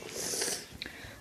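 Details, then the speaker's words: Young child (toddler) sick again with a strong dry cough, about to visit the clinic: quiet room, then a single abrupt cough burst at the end. Dry cough. "потому что мы снова заболели мы сильно кашляем"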